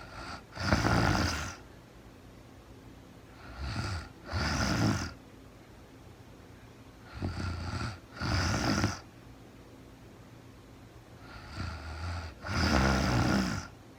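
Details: Real-time recording of a woman sleeping, very tired, no talking: loud rattling snores on paired breaths, roughly 15 breaths a minute, separated by quiet gaps; snoring in sleep.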